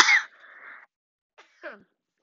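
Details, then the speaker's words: One sharp cough with trailing breathy rasp, then brief throat sound, from a child with COVID-19 who reports coughing a lot. "i started coughing that day a lot and i kept that to my mom like mom am i sick"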